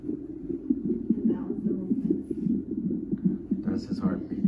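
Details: Fast, whooshing pulses from a hospital fetal monitor, about 150 per minute, with room noise: fetal heartbeat at 28 weeks by last period (ultrasound measures about 30); mother having contractions, cervix closed.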